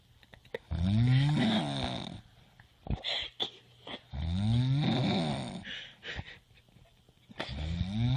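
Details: Simulated, acted cartoon-style snoring: loud, drawn-out voiced snores rising in pitch, about 17 a minute, with clicks between.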